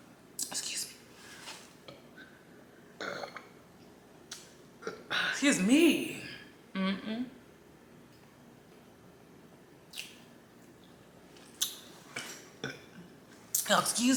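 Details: Several short throaty burps with a low rumbling tone amid soft eating noises during a ramen mukbang, after finishing an orange soda; belching (eructation).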